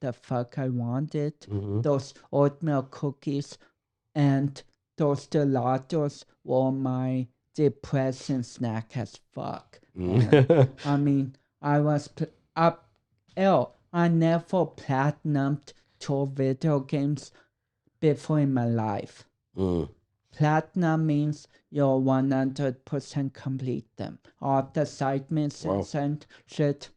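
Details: Dysarthria in a 32-year-old man with cerebral palsy, which he says affects his speech coordination and walking.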